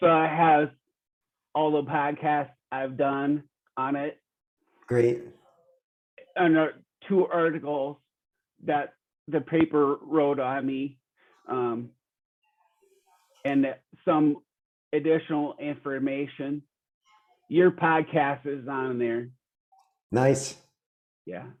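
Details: Real 45-year-old man with rare (under one in a million) primary progressive apraxia of speech; knows the words but they don't come out clearly; speech declining since a previous interview months earlier; apraxia of speech.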